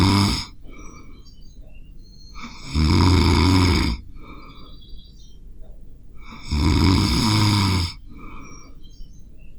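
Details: Adult recording themselves while sleeping with a Zoom H5 recorder: loud, rough, low rattling snores about every four seconds, roughly 16 a minute, quiet breathing and faint chirps between: snoring.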